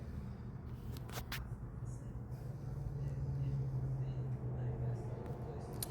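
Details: A low, rumbling snore from a dog sleeping on top of a man lying on the floor swells into one drawn-out breath and fades, over faint room noise.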